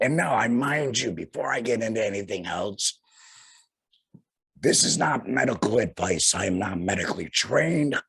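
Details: Tracheoesophageal speech in a man after total laryngectomy for cancer, speaking through a vibrating flanged voice prosthesis.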